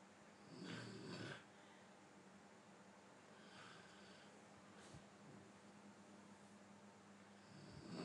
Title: snoring sound clip 2 mns